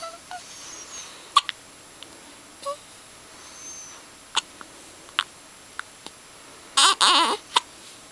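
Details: Hiccups, day 5: short, sharp, irregular clicks and catches in a quiet room, with a brief vocal sound near the end.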